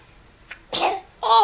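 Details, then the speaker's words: A baby boy's single quick sneeze, his first on camera: a sharp airy burst, followed by an adult saying "bless you." "bless you bless you baby got your first knees on camera that was like a 60s but okay hey you never sneezed on camera before"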